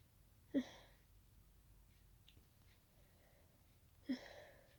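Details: Allergic wet sneezing after closely smelling daisies, described as very tickly and wet: two short, sharp sneezes a few seconds apart in a quiet room.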